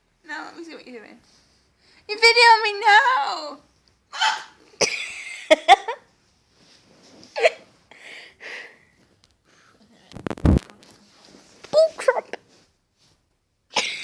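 Brief, abrupt catching sounds between bits of talk in a small room; hiccups.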